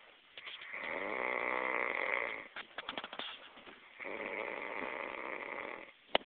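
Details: Ordinary snoring: two long rattling snores on breathing in, with soft noisy breaths between them.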